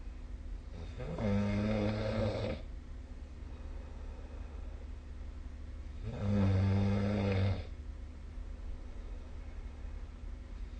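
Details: Two long, low, rattling snores on the in-breath, about 12 breaths a minute, in a quiet room; snoring recorded with the SnoreLab app.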